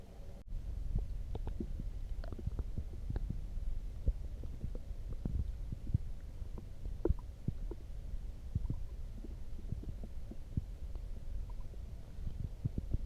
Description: Drank some coffee and it made my belly go craaazy